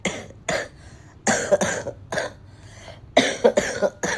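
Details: Woman with a cold, several days after a fever, with a hoarse, painful throat, difficulty swallowing and phlegm buildup while taking steam inhalation: about seven harsh cough bursts in close runs with pauses.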